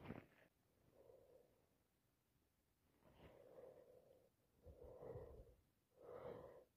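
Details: Person with a common cold and nasal congestion: bursts of sneezing mixed with repeated wet sniffs.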